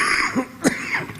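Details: A single short, sharp cough from an adult man giving a speech, heard against a hum of room and microphone noise: cough.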